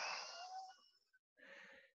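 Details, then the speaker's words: A physiotherapist demonstrates airway-clearance breathing for people with osteogenesis imperfecta: breathe in, then a long, slow, forced hissing exhalation with a wheezy, squeezed end meant to reach the deep alveoli and provoke coughing, then a short breath. "Pero solo para que tengáis la idea. Cojo aire y suelto todo poco a poco."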